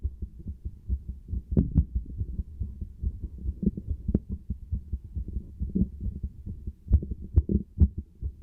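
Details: Soft, muffled low thumps in a fairly quick rhythm with some rubbing noise; a heartbeat recorded through a stethoscope.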